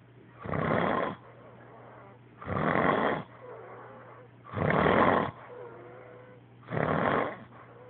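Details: Mother's boyfriend snoring heavily during sleep; loud rough snores about 29 a minute with quieter breathing between; recorder reports he stops breathing, though no pause is heard here.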